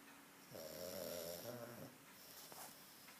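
A single faint, fluttery, nasal snore over steady background hiss: a small flat-faced dog snoring.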